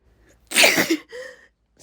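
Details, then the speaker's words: Self-induced sneeze triggered by tickling inside the nose with an object, with brief talk between attempts: a single loud, explosive sneeze with a sharp inhaled lead-in, then a brief voiced exhale in a quiet room. "Besides, once I find the spot, I have to >> [clears throat] >> sneeze right away."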